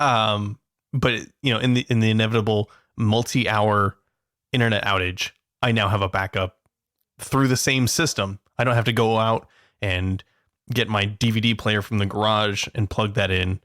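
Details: Adult man speaking; ordinary speech.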